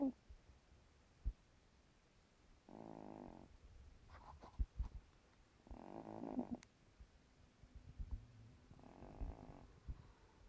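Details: Sleeping female cat older than 15 years: three buzzing, fluttering snores about three seconds apart in a quiet room with small knocks; snoring.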